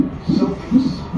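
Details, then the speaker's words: Fetal heartbeat on a hospital monitor tracking heartbeat and contractions during the mother's 40-week labor induction, baby boy. Fast, soft whooshing pulses at roughly 130 beats a minute. "that noise you hear in the background is his heartbeat that monitor shows the heartbeat and contraction"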